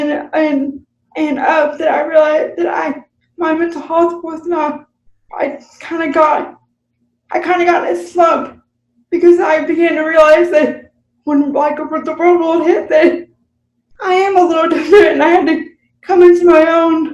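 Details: Adult woman with cerebral palsy, real unscripted podcast conversation about living with CP; finding: dysarthria (cerebral palsy).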